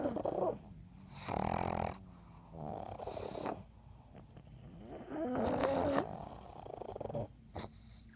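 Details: Snoring from three sleeping pugs: loud, rough, rattling snores overlapping in uneven bursts with snorting breaths, typical of flat-faced breeds.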